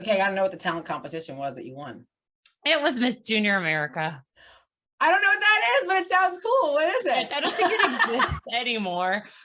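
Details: Adult women in conversation; normal voice.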